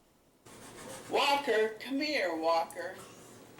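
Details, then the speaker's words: Synthesized banked voice: a short synthetic phrase in a recreated personal voice, built from recorded sentences, restoring speech to an ALS patient who lost their voice. "and from that perspective you can give someone a voice back once they've lost and here's an example from technology developed at Boston Children's to give voice back to an als patient"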